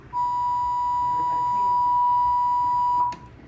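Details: AED training demonstration for hands-only CPR: after pads on the bare chest, analysis and shock advised, a steady high-pitched tone about three seconds ending with a click as the shock is delivered, followed by instruction to start CPR.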